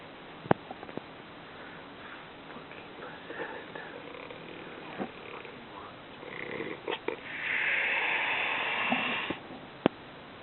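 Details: Man snoring: irregular snorting breaths building to one loud, harsh, rasping snore, with a few sharp clicks around it.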